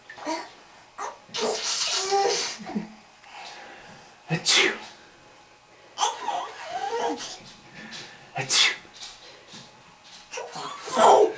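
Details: Several sharp, explosive sneezes in a row, with soft child sounds and an adult voice nearby.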